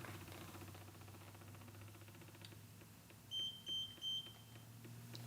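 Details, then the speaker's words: ICU Medical Plum 360 smart IV pump training demo: three short high callback alarm beeps over quiet room noise as secondary potassium infusion completes and pump switches back to primary line. "once this is completed it'll automatically flip back over to the primary it'll give us an alarm letting us know that that has occurred"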